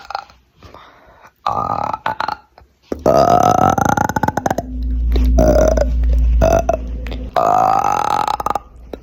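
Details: Burping on command: several loud, drawn-out voiced burps in a row, made on purpose, with short pauses between them; voluntary belching.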